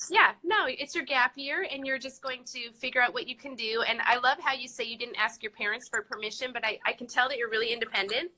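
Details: Adult woman speaking; normal speech.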